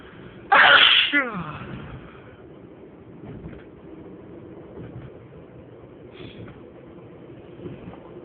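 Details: Sneezing fit with many stifled sneezes: one loud, full sneeze followed by a quieter, muffled one and faint stifled sounds against room noise.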